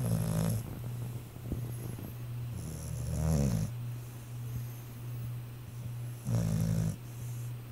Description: Sleepy time for my pit bull.